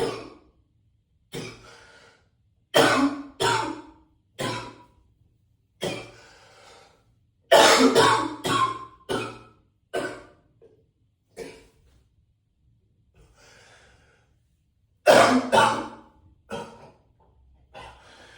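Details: About a dozen harsh, heavy coughs in bouts with throat clearing between them, echoing in a small bathroom.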